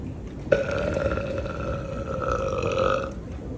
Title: Burping at the store